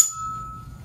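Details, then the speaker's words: Rinne hearing test during a cranial nerve VIII (vestibulocochlear) examination: a tuning fork is tapped, then placed on the patient's mastoid behind the ear, giving a clear, pure ringing tone that slowly fades, for comparing bone and air conduction. "going to be placing it on the patient's mastoid right behind the ear and what i want you to tell me lindsey is when you if you hear first of all vibration and then secondly when it stops"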